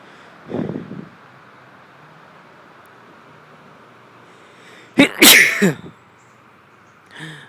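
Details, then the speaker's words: Loud, sharp sneezes outdoors, each with a brief inhaled build-up then a forceful burst, and a smaller sneeze-like sound at the end; the person says being outside sets off their allergies and makes the nose itchy. "oh I always just get so Sneezy when I'm Outdoors oh here comes another one oh it just makes my nose so itchy"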